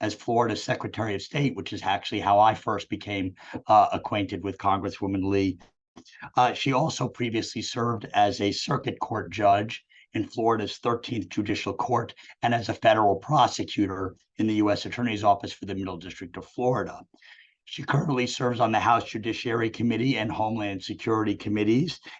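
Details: Adult speaker; normal speech.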